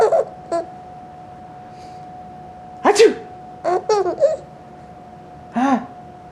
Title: Sneezes make baby laugh - adorable!